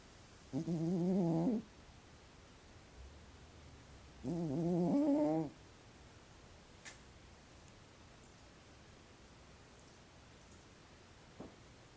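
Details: Pet cat snoring while asleep, loud enough to be heard from another room: two drawn-out, buzzing, voice-like snores several seconds apart over quiet room noise.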